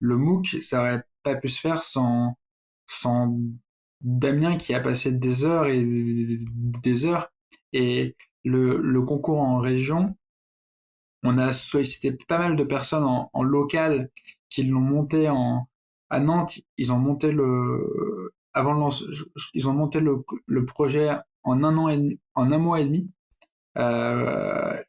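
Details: Adult man who stutters, founder of a French public-speaking contest for people who stutter; stuttering.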